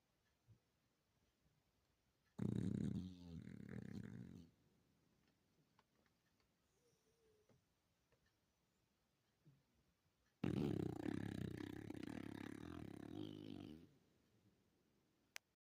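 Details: Chubby dog snoring: two long, rough snoring breaths about eight seconds apart, with quiet room noise between them.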